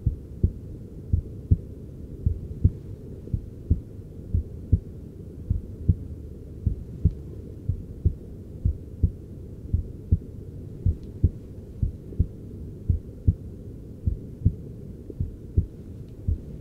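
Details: Adult male patient's heart heard via handheld device during cosmetic forehead injections: fast, steady heart thumps as stress (fight-or-flight, adrenaline, cortisol) makes the heart contract harder and faster; rapid heartbeat, stress response.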